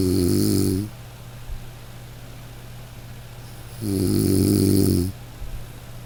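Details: Regular snoring: two loud, low, rattling snores on the in-breath, about four seconds apart, roughly 15 breaths a minute, with quiet room noise between them.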